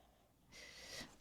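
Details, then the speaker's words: Single loud, hissing, snort-like breath of about half a second from a sleeping cat over quiet room noise: snoring. "The cat Cooper has entered the building. He is snoring. He just snored really loud for a second, so if you hear that, I have put him to sleep."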